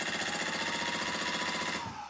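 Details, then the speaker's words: Fast, steady mechanical tapping with buzzing rattle, about 20 taps a second, from a SmartWave radial shockwave device at about 60 joules, applied through lotion to a painful plantar fascia for plantar fasciitis. "that as possible that's tolerable this will be a little painful when I say painful it should be about a 6 on the 0 to 10 scale"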